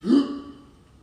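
A single short, abrupt voiced hiccup that fades quickly in a quiet room.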